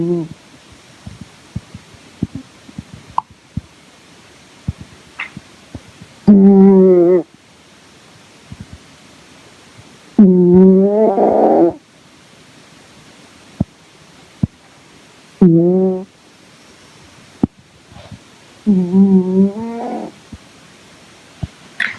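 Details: Sleeping cat snoring in short, tonal, whistly bursts about every four seconds in a quiet room.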